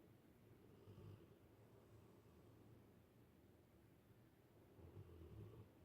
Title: Funny dog snoring